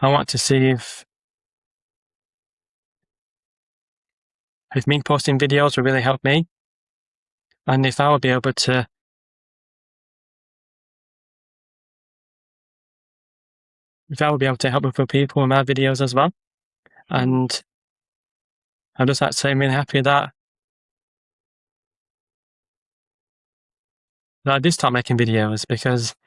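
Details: Adult man with a stammer who makes social media videos of ordering and talking to people to build confidence; word and phrase repetitions and pauses; stuttering (stammering).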